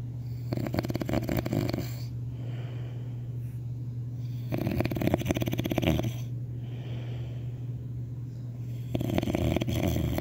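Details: Loud, fluttering rattles on each breath, about every four seconds, over a steady background hum; snoring.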